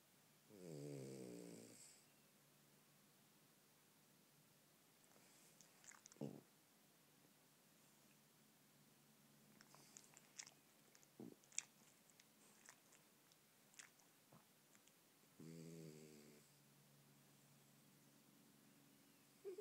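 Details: Two soft buzzing snores about fourteen seconds apart from a sleeping French bulldog, with small snuffles and room noise between; snoring.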